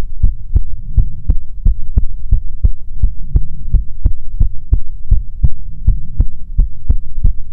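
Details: ASMR heartbeat recording offered as soothing content: loud, thumping heartbeat at about 80 beats a minute over a low hum.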